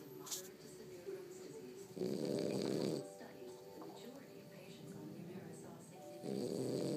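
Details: Loud, rough snoring bursts on each breath in, with quieter breathing between and some background noise, from two sleepers lying on top of the owner; ordinary snoring.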